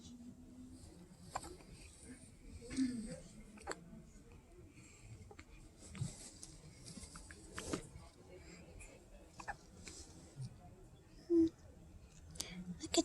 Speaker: We got tiny hiccups, don't we? Little hiccups. Little hiccups.